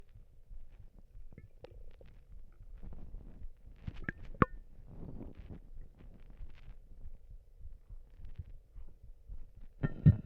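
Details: Ordinary stomach rumbling (borborygmi): quiet low gurgles and squeaky rumbles that come and go from a growling stomach.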